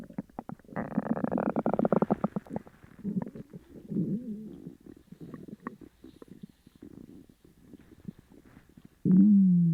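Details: Upset stomach after eating sugar-free gummies: loud, long gurgling and bubbling rumbles ending in a sustained groaning tone; borborygmi.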